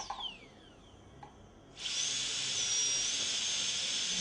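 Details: A quiet room, then a steady high-pitched whine starts: a high-speed dental drill preparing a tooth for a PFM crown.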